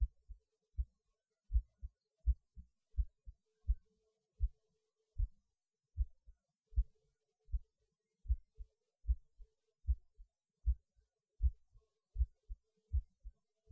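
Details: Recorded at lunch, pausing while eating because the heart felt like it was beating hard (usual when eating) though the rate changed little: steady low paired heartbeat thumps, about 78 a minute; normal heartbeat.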